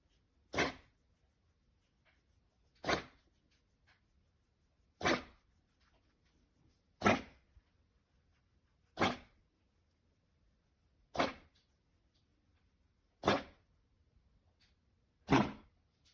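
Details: Dog with kennel cough, morning of day 3, caught at a park: eight sharp, harsh single coughs evenly spaced about every two seconds.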